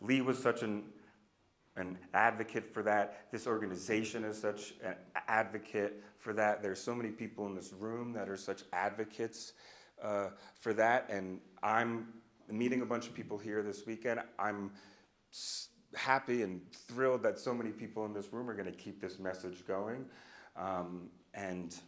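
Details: Adult man who stutters, a speech-language pathologist and stuttering researcher, speaking spontaneously at a live keynote; stuttering.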